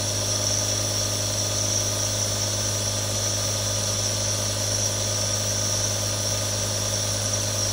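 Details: Real recording of three different nebulizers for relaxation ASMR: a steady mechanical hum with constant hiss and no pauses, a nebulizer compressor running continuously while turning liquid into mist.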